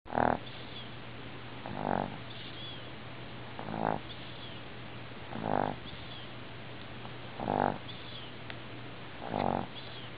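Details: Dog snoring in loud, rattling, cartoon-like bursts about every two seconds; an exaggerated but ordinary snore.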